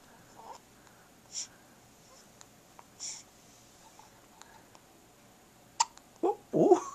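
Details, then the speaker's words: Infant boy with hiccups: brief, soft, recurring catching sounds over quiet room noise, small vocal sounds near the end; hiccups last a long time. "that was a good one come here Amy he's hiccuping oh what's he doing with his arm"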